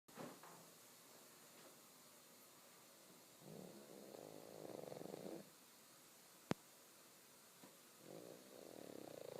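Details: Pug with soft, rumbling breathing noises in two stretches and a brief click between; snoring.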